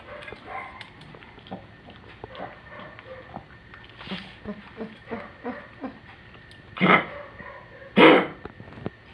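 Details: Old dog with congestive heart failure: soft hacking sounds, then two loud, harsh coughs typical of heart-failure cough.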